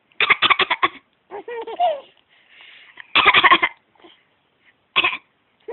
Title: Coughing is funny!